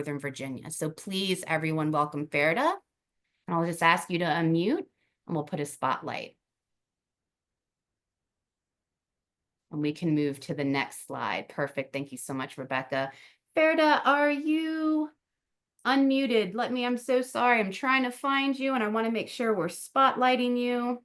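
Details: Adult woman speaking, online meeting; ordinary speech.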